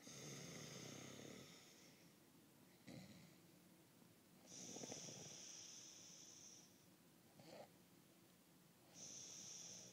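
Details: Male partner snoring: loud, rough snores on each breath, with a whistling, wheezy edge on the longer ones, separated by quieter breathing.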